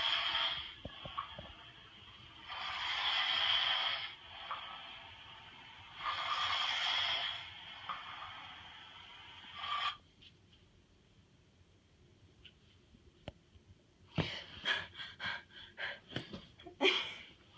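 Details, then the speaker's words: Acted, simulated sleep apnea scene: loud, hissing, laboured breaths during sleep ending in a sharp gasp; the sleeper says they felt they couldn't breathe. "are you okay I felt like I couldn't breathe we should get that checked out at the doctors"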